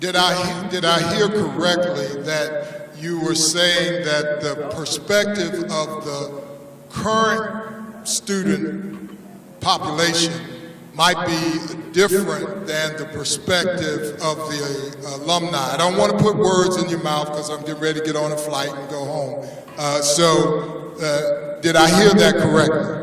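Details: Adult male speaker; normal voice.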